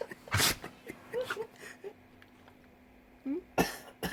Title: Sneezing Dog | Willie has a cold